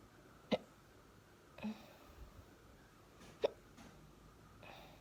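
Two sharp, abrupt hiccup sounds about three seconds apart with softer breaths between; ordinary hiccups.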